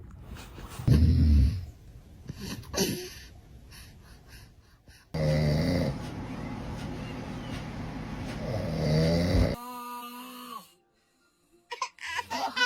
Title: Dad’s snoring scares the baby#baby #funny #interesting #hqppy #cute #love #snore